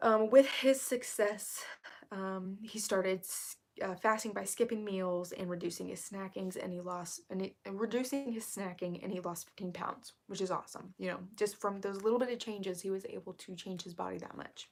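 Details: Woman with self-described really bad current vocal fry, which she attributes to speaking quietly so as not to disturb someone in the next room; vocal fry.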